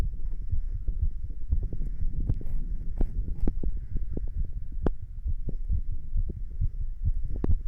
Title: 立ち心音～ちょっと運動も！ Standing heart sounds & A little exercise